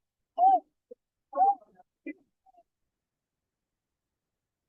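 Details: Infant with vocal fold paralysis: high-pitched inspiratory stridor.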